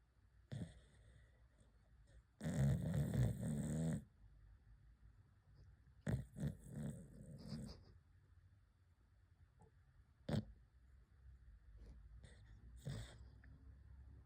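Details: Sleeping cockapoo dog snoring in low, rumbling bursts separated by quiet pauses.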